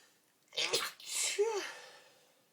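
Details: Early-morning sneezing attack while putting clothes together: a single sneeze, an in-drawn breath then a forceful voiced burst trailing into a breathy exhale.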